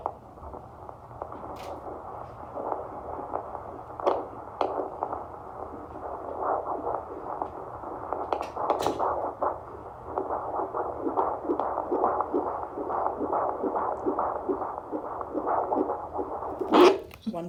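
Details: Fetal heartbeat on a Doppler: rapid, regular whooshing at about 150 beats a minute, within the normal 110–160 range.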